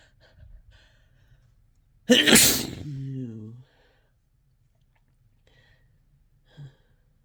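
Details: Induced sneeze after Chhinkni sneezing powder: one forceful, harsh sneeze with a sharp burst and a voiced trailing sound, then quiet breathing, amid uncontrollable desperate sneezing.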